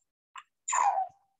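A child takes harsh, high-pitched, noisy breaths, the second with a coarse crowing tone: inspiratory stridor.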